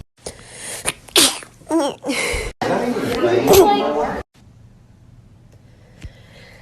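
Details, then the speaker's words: Several sharp, forceful sneezes in quick succession, then quiet, from a TikTok sneezing compilation clip; ordinary repeated sneezing. "Sorry, I sneezed a little there."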